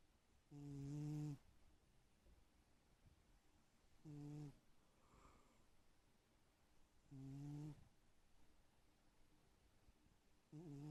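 Soft, low snores from a sleeping cat, about 19 a minute with quiet gaps between them. Ordinary snoring during sleep.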